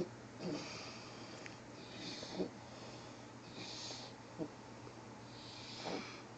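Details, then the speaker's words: A sleeping person (Khary) snores loudly: repeated noisy breaths with rough, hissing rattles every couple of seconds. "if you sound like this you need to [ __ ] go to a sleep study and get fixed"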